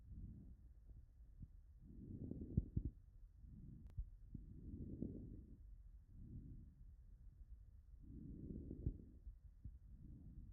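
Breath sounds with brief, fine crackling pops clustered near the end of inspiration, typical of interstitial lung disease.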